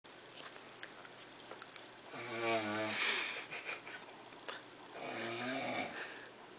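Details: Snoring in a sleeping female: two loud, rattling, vibrating breaths in a quiet room.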